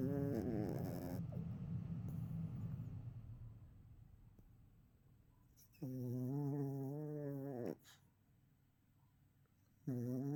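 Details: Yorkie puppy in REM sleep, eyes twitching, dreaming and kicking; a few soft low snorting snores with long quiet gaps; snoring.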